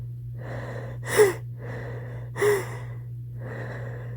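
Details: Person at the start of a cold, with a pounding head: two muffled, held-back sneezes, each after a quick drawn-in breath, over a steady low hum; stifled sneezing.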